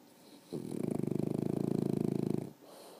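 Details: Sleeping dog, one long, fluttering, rattling snore on an in-breath lasting about two seconds: snoring.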